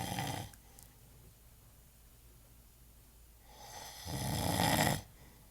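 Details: An adult man, a father who denied snoring, sleeping: loud rattling snores on the in-breath, separated by a few seconds of quiet breathing; snoring.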